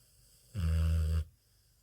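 A single loud, low, rumbling snore lasting under a second from a sleeping dog, against a quiet room.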